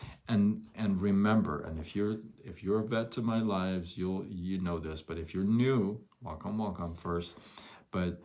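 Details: Adult male with stuttering noticed around age six; from ages 13 to 23-24 he could hardly speak, with chin shaking and gasping for air; he says he has since improved; stuttering.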